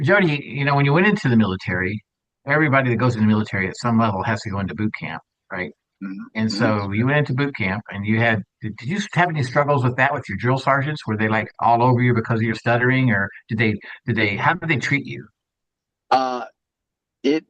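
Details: Adult male speaker; typical speech.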